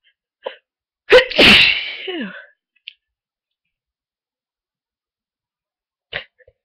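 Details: Sneezing from someone with a cold who woke from a long nap sneezier and stuffier, with a constant tickle and buildup: a short in-breath, one loud explosive sneeze with a voiced trailing release, then quiet sniffs.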